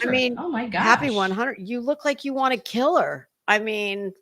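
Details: Adult woman speaking; no voice disorder.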